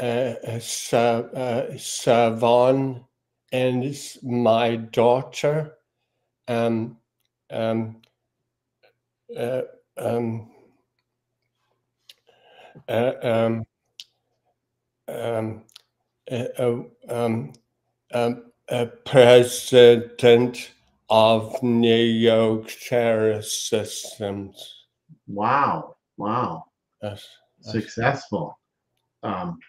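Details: Aphasia in a male speaker.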